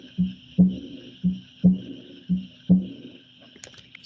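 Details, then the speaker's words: Heart sounds from a patient after TAVI for aortic stenosis, checked for valve leak; aortic regurgitation murmur. "so listen to see can you hear any aortic aortic regurgitation and again this is just here to listen"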